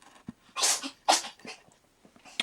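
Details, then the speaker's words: Female cat having a sneezing fit: two sharp, hissing sneezes in quick succession. "you can hear my cat having a sneezing fit in the background bobo you okay girl"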